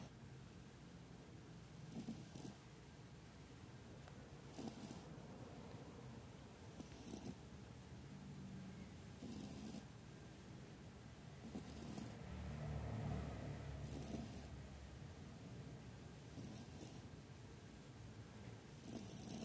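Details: Shih Tzu puppy snoring while asleep: soft, rough breathing noises every two to three seconds, roughly 25 breaths a minute, with steady background hum.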